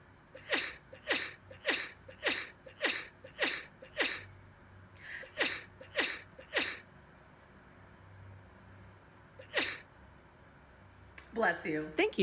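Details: Rapid run of about eleven sharp sneezes, mostly in quick succession, ending in a brief voiced sound.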